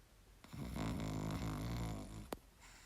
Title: my dog snoring lol